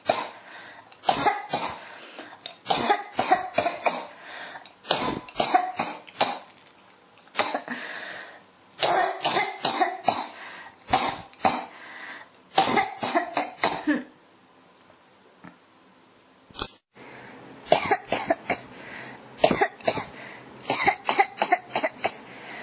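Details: ASMR-style recording of a persistent cough: repeated bursts of dry, harsh coughing in quick clusters with only brief pauses between them.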